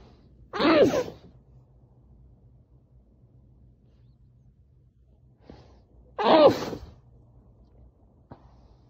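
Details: Two loud sneezes muffled by pressing the face into a towel, several seconds apart, over quiet background.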